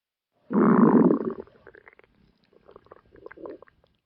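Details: Nimu's stomach growling, a loud long gurgling rumble then softer bubbling gurgles, gas and fluid moving through the gut.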